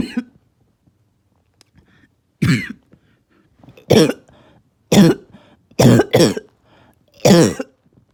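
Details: Barking cough in a child: six harsh, deep, separate coughs with a rough, barking quality and quiet pauses between them.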